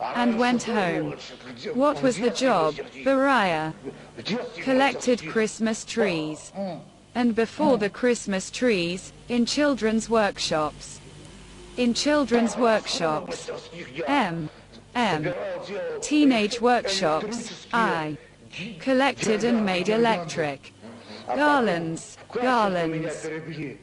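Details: Male psychiatric inpatient with intellectual disability, complaining of weakness and apathy, filmed in 1995: speech disorder in intellectual disability.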